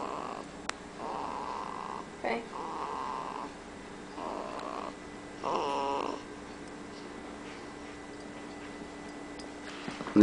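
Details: Soft rhythmic snoring sounds with each breath, about five in ten seconds, then quiet, from a one-month-old baby boy recorded at 30 days of age; snoring.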